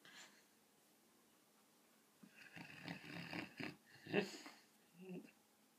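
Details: Sleeping 7-month-old Rottweiler dreaming ("running in his dream"): irregular snorting, snuffling breaths and soft whimpers; snoring mixed with dream sounds.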